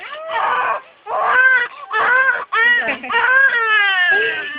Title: crying